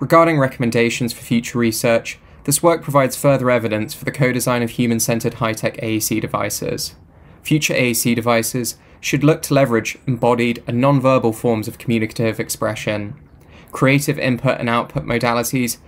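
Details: Adult male speaker, narration; normal speech.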